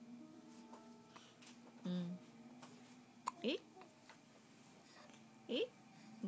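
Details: Young child with hiccups: two abrupt, voiced hiccup sounds about two seconds apart, with room noise and faint background sound.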